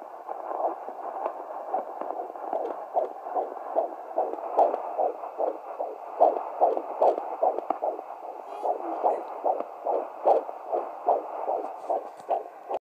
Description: Listening to my twins on the Doppler at 16 weeks gestation.